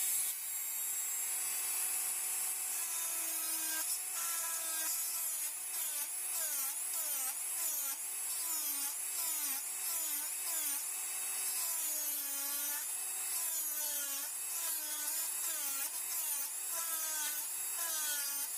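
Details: High-speed dental handpiece's steady whine, pitch repeatedly dipping under load while reducing the distolingual cusp. This is occlusal biplanar reduction of a typodont mandibular first molar (#36) for a full veneer crown.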